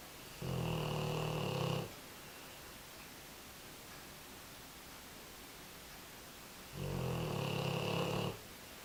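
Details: Two long, rough, rumbling snores about six seconds apart from a sleeping American Bulldog over quiet room noise; one of his quieter sessions, as he often snores much louder; snoring.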